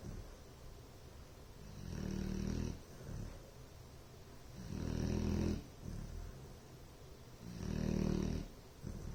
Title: Bloodhound "Ellie Mae" Snoring...